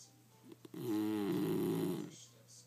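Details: Bulldog sleeping under a desk chair gives a single loud, rattling, buzzy snore about a second long, rising from a quiet room with faint clicks before it.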